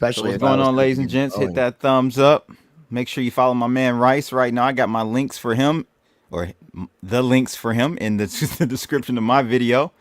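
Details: Adult male speaker; ordinary speech.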